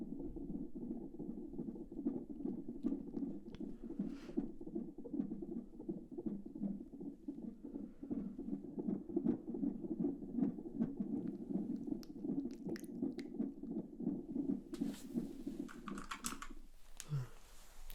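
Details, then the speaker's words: Simulated midwife check-up a few weeks after the 12-week scan: rapid, regular whooshing Doppler pulses near 160 a minute, a normal fetal heartbeat with no concerns; ASMR roleplay. "Heartbeat sounds amazing. Heartbeat and fluid sound good. No concerns."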